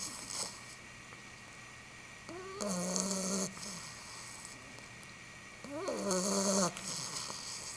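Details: Pitbull puppy snoring while sleeping, tired out after a long day of playing: two drawn-out squeaky, whistling inspiratory snores with a soft hiss between them; harmless snoring.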